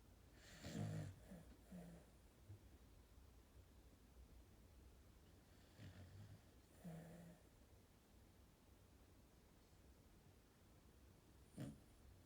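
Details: Sheep snoring: irregular low rumbling snorts with breathy noise, a few separate bursts amid quiet room noise.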